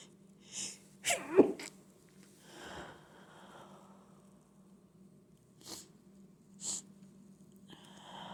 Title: trying to hold back allergy sneezing